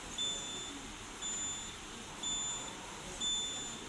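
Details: ZOLL portable ventilator demonstration, pressure control mode: high-pitched electronic alarm tones repeating about once a second over room noise; ventilator alarm sounding.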